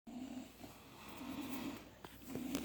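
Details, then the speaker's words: Three sleeping pets snoring together: low, steady rumbling snores with a few soft snorts in a quiet room. "all snoring. They all snore."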